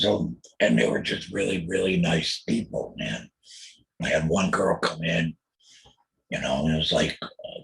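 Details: Adult male throat cancer survivor after total laryngectomy (voice box removed) in 2020, followed by chemotherapy and radiation; alaryngeal speech after total laryngectomy.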